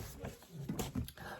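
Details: Adult in the background of a quiet room: two or three muffled, short coughing bursts.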